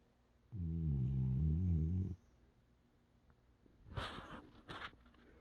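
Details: Female sporting retriever dog in deep sleep after a full weekend of running and training: one long, deep, rumbling snore lasting about a second and a half, followed by soft breathy snuffles.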